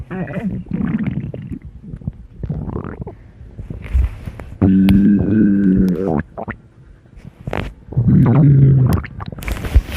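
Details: Funny stomach growls: loud, drawn-out gurgling and groaning rumbles with squeaky tonal stretches; bowel sounds (borborygmi).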